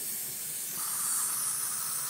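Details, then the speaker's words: Heliox blender's second flow meter driving a nebulizer with saline for practice: steady high-pitched hiss of the nebulizer running on gas flow. "nebulizer is working we're just using some saline for this all-purpose practice"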